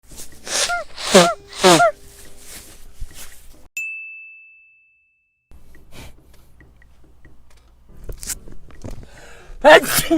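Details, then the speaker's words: Korean adult gives a loud, forceful, voiced sneeze, described as a very loud sneeze that runs in the family, followed by a bell-like ding and quiet room noise. "요 집안 내력에 허 재채기가 우리 가족들도 다 재채기를 저처럼 이렇게 좀 시원하게 하는 편이구요"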